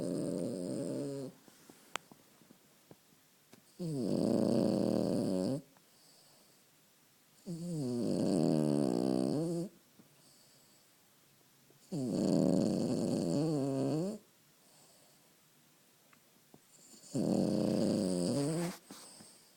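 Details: Puppy snoring during an afternoon snooze: slow, regular fluttering snores, about four in twenty seconds, with quiet pauses between breaths.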